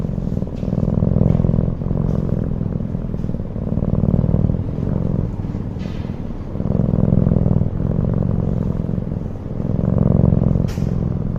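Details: Cat snoring: low, fluttering rumble swelling and fading with each breath, about 20 breaths a minute.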